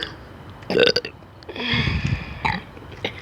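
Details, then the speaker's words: Burping after drinking 7-Eleven Diet Coke soda, with the burpers taking turns: a short belch followed by a long, low, rumbling burp, with brief voices around it. "Burp the soda. It's a soda burp. It's a soda."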